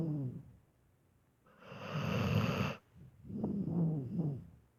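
Rough, fluttering snores on the in-breath with a long hissing out-breath between them; a sleeping dog snoring.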